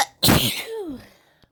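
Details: Sneeze: one sharp, explosive sneeze, then a brief falling voiced trail, an ordinary sneeze recorded in the morning, followed by needing to blow the nose.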